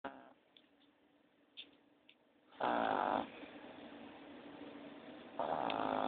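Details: Cartman, an animated cartoon character, snoring, replayed from the show: a loud, rough inhaled snore, a long quiet pause, then a second snore; cartoon snoring, not real.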